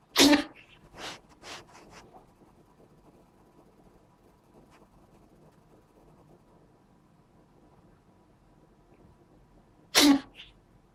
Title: Cute cat can't stop sneezing (is very cute)